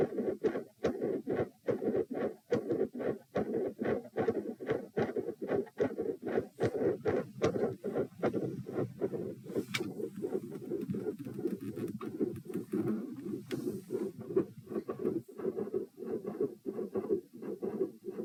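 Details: Heart recorded at position p during provoking manoeuvres (Valsalva lying, standing then quickly lying, lying on each side): steady beat near 72 a minute, split S1 and S2, multiple murmurs filling the gaps.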